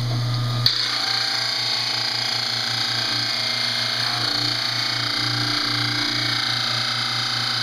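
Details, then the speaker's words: Dental model trimmer with water running, grinding paired upper and lower plaster study casts held in occlusion to trim the backs together: steady high grinding hum with a click at the start. "you'll put them together in a clusion and now you trim them together trim the back together"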